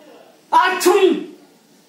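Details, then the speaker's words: A single short voiced sneeze, a vocal 'ah' breaking into a sharp hissing burst, in a quiet room; sneezing. "why isn't it not stopping - what - oh please just stop it"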